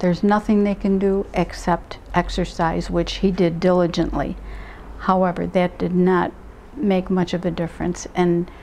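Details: Adult woman speaking; normal speech.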